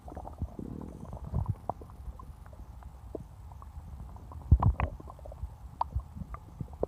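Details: Stomach growling recorded after drinking cola: low gurgling rumbles and scattered pops from the belly, ordinary bowel sounds of normal digestion.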